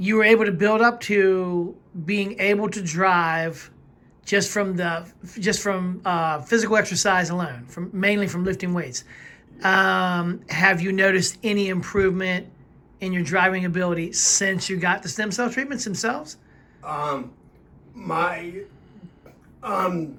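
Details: Adult interviewer; typical speech.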